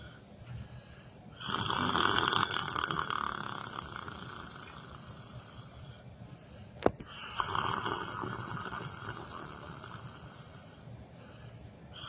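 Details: Person sleeping while sitting in a chair: two long, rough, rattling inhaled snores separated by a quiet exhale, with a brief sharp click between them; ordinary snoring during sleep.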